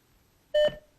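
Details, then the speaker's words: A single short electronic beep from a Philips HeartStart Home AED confirming the flashing orange button was pressed during its interactive self-test after battery insertion. "As soon as the battery is inserted, the defibrillator will automatically begin a self test, which takes about a minute. This is partly interactive, testing the various lights and controls."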